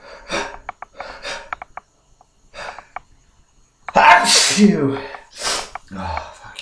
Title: Horny hangover sneezes